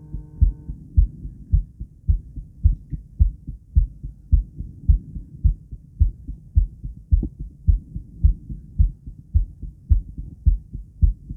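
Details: Woman's own heartbeat recorded before exercise, after 50 squats and during recovery; steady, regular lub-dub at about 107 beats a minute, somewhat fast but even; normal heart sounds, fast rate.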